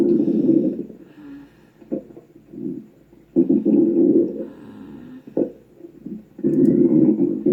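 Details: Loud, low rumbling gurgles in repeated surges from an animal's belly: stomach growling (borborygmi).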